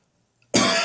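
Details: Morning cough in a bathroom, now drier and less frequent but provoking gagging: after a brief silence, a single abrupt, harsh dry cough burst, cut off at the end.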